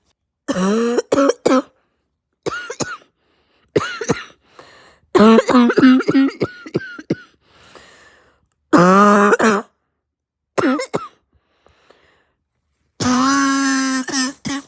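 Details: Harsh, hacking cough bursts in clusters, some with voiced straining and a retching-like final bout, during an illness with sore throat, heavy chest, stuffed nose and pounding head; the person nearly vomited. Barking cough.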